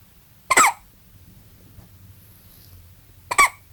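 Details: Newborn baby only 8 hours old with hiccups: two short, abrupt squeaky catches about three seconds apart in a quiet room.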